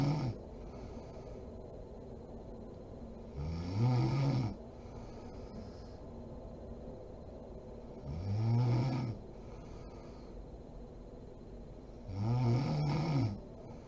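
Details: Mother snoring while asleep: three low rattling inspiratory snores, about 14 breaths a minute, over steady room hiss.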